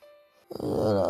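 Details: A streamer snoring during a live broadcast: a single loud, rattling, droning snore on an in-breath after a brief quiet stretch.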